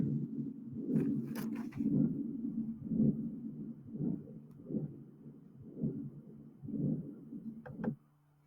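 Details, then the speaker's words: Simulated heart sounds with a low, rumbling murmur running continuously through each beat: continuous murmur from a ruptured sinus of Valsalva draining into the right atrium. "Ah y otra cosa dónde más cuando se rompe la aurícula izquierda por algún motivo se rompe el ceno Val salva y drena a la aurícula derecha se puede sentir este soflo se los hao Escuchar una vez"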